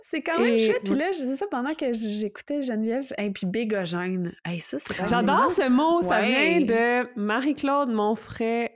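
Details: Adult woman speaking French; typical speech.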